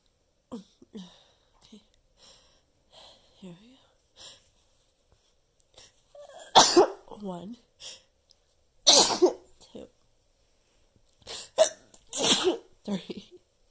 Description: Counting my sneezes, since I usually don't have very many... trying to get all the way up to 10 ha:)